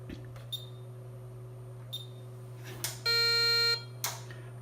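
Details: Low steady hum with clicks, then a brief high electronic activation tone under a second from a Ukrainian DKVKh-300 300 W high-frequency surgical diathermocoagulator being repaired and tested; electrosurgical unit activation tone.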